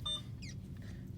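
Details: Brief electronic beep as a key is pressed, over low room hum: the keypad tone of an IV infusion pump in a nursing school IV lab, programming a secondary infusion of ceftriaxone 2 g from the pharmacy drug list.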